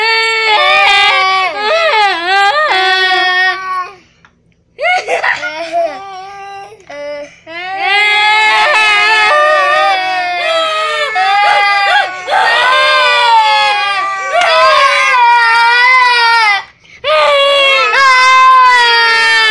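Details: Loud, high-pitched wailing cries in long bouts with brief pauses and sobbing catches from an infant crying when adults cry; imitated adult crying may be mixed in.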